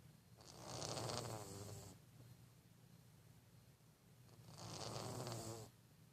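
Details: Sleeping cat snoring: two slow, soft, fluttering snores, each about one and a half seconds, with quiet pauses between.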